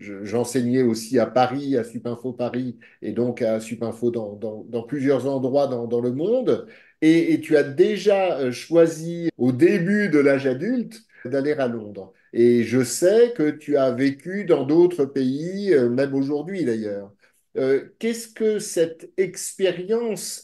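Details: Adult men speaking French, conversation; typical speech.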